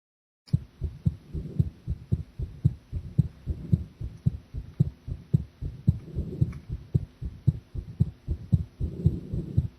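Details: Heart sounds recorded while drinking coffee, described as feeling unstable: regular thumping heartbeat at about 113 beats a minute, a little fast, with faint background hum.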